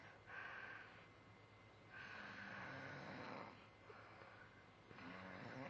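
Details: Soft, breathy snores repeat about every three seconds over some background noise; mild snoring, recorded on a mobile phone.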